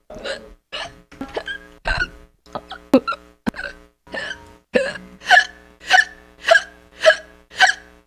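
A run of sharp, voiced hiccups, about 14 in eight seconds and roughly 105 a minute, coming in a fairly regular rhythm.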